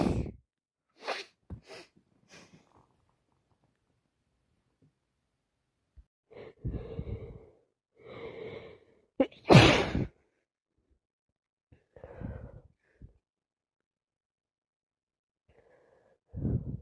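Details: Adult with a bad head cold caught at the doctor's: several sharp sneeze bursts with quieter sniffs and nose-blowing between them.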